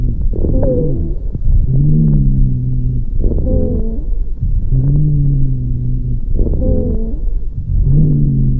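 Musical, whistling wheezes run through both breathing in and breathing out, about 19 breaths a minute.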